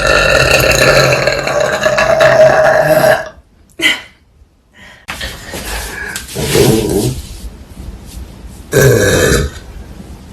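A long, loud, drawn-out burp, then quieter throaty noises and a second short burst; repeated belching.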